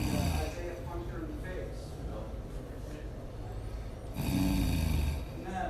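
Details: Snoring.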